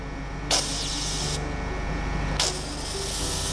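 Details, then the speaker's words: Suction machine during oral suctioning: the catheter is inserted from the corner of the mouth, then rinsed. A continuous rushing hiss with two brief slurping bursts as fluid is drawn through the catheter. "kita tutup tangan kita kita bersihkan area sekitar mulut Oke kalau sudah kita bilas"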